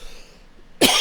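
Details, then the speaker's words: Quiet room tone, then one sudden, loud, harsh single cough from an adult man recording a podcast. "Which, if you listen to this podcast, I'm going to cough again. Excuse me. Excuse me, y'all. Coughing means it's time to play another song."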